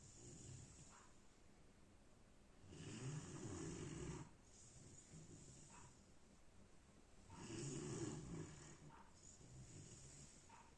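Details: German Shepherd puppy asleep late at night, snoring heavily: soft rhythmic rumbling breaths in and out about every five seconds, with a faint whistle between.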